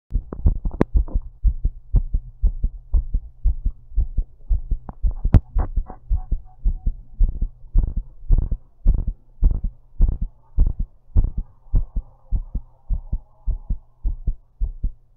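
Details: Strong, thumping heartbeats at about 100 to 110 per minute, mostly steady, recorded while lying down: a forceful, thumpy heartbeat.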